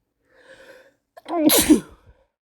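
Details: Male sneezing with a cold: a brief quiet intake of breath, then one sharp, explosive sneeze.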